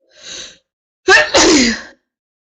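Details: Woman during a prolonged sneezing fit: a soft breathy sneeze, then a sharp inhaled catch and a loud explosive sneeze, two sneezes in quick succession.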